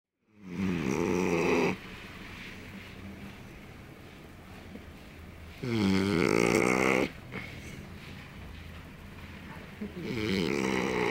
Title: My dog snoring